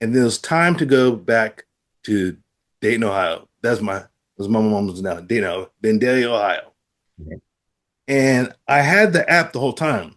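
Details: Adult man with aphasia after a stroke who reports trouble producing the first sounds of words; word repetitions and ungrammatical phrasing heard; aphasia after stroke.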